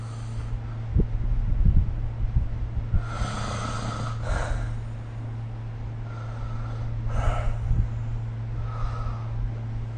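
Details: Snoring recorded with the SnoreLab app during sleep: soft, breathy snores with snorting catches, recurring every few seconds over a low rumbling background hum.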